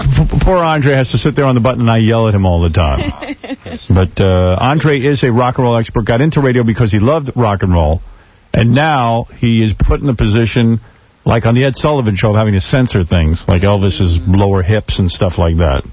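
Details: Adult male radio host; normal fluent speech.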